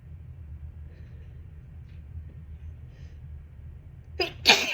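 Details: Sneeze of an adult triggered by dust while cleaning and moving things around the house: low room rumble, then a sharp in-breath and one loud, hissing sneeze.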